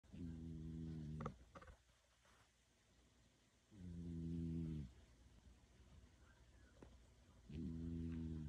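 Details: Cat sleeping on a person's lap: slow, regular buzzing snores on each breath in, about every three to four seconds; harmless sleep snoring.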